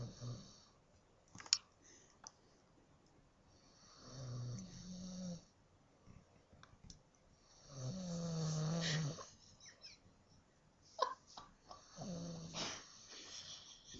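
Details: A sleeping male snores with a few irregular low snores, with clicks and chewing noises between them as a chip is pushed into his mouth, in a quiet room: snoring.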